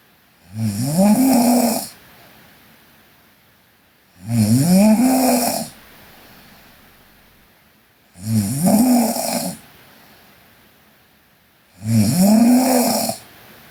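Loud, regular snores about every four seconds, roughly 16 a minute, each a harsh vibrating breath with quiet breathing between.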